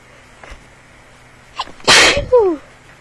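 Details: A short intake and catch of breath, then one strong sneeze ending in a falling voiced groan; part of a sudden sneezing bout that interrupted speaking while recording.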